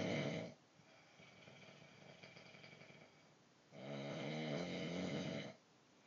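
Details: Two long, loud, harsh snores about three seconds apart with a quiet breath between; snoring during sleep.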